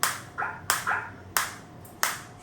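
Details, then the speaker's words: Focused (not radial) shockwave therapy device firing in R7 mode at intensity 3: sharp, loud clicking snaps at irregular intervals over quiet room hum. "so I will start the same and you will if I put the same you can see this is green now and I am getting the shot so I'm getting the"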